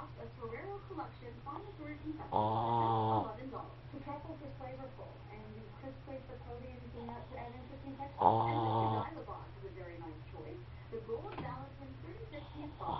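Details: Zoe, a dog, napping and snoring loudly: two loud rattling snores about six seconds apart against soft room noise and quiet voices; ordinary snoring.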